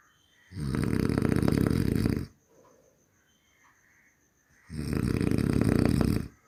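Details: Human snoring: two long, loud, harsh vibrating inspiratory snores, each nearly two seconds, separated by quiet breathing; snoring.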